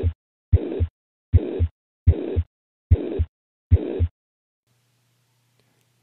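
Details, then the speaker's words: Teaching example of a high-pitched heart murmur: five heartbeats at about 73 a minute, with a high-pitched hissing murmur filling the gap between the two heart sounds. "here's an example of a high pitched"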